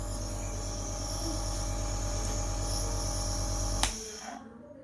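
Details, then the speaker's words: Home nebulizer compressor switched on with its green on/off button, producing mist for inhalation through an open mouth: steady, fast mechanical buzzing and hum, ending with a click as it switches off. "இது on off button இதை on பண்ணீங்கன்னா machine start புகை வரும் பாருங்க இந்த மாதிரி புகை வரும்போது நம்ம நம்ம வாயை நல்லா ஓபன் பண்ணி காட்டணும்"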